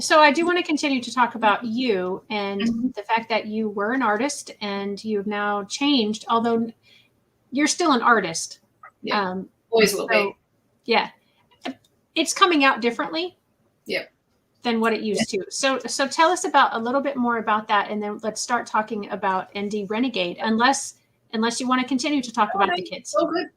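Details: Adult woman speaking, with brief replies from a second voice; typical speech.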